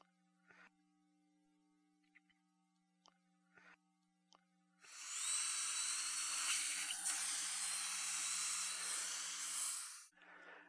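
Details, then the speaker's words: Brief clicks, then a high-pitched whining drill runs steadily about five seconds, trimming the labial surface of lower anterior teeth during Lumineers veneer placement in a young woman; dental drill. "I'm going to take a little off these lower anterior teeth and I don't shorten them in length I take it off of the labial surface so it'll blend better"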